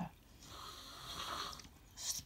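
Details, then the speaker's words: One faint, rough, noisy inward breath from a sleeper in the background, snoring; speaker raises sleep apnea. "of sleep apnea can you hear it snoring in the background"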